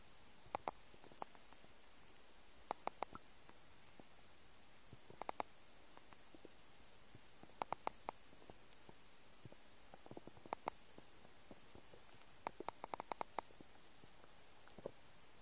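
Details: Noises of an empty stomach: faint, scattered clicks and brief gurgles over steady background hiss; ordinary bowel sounds (borborygmi).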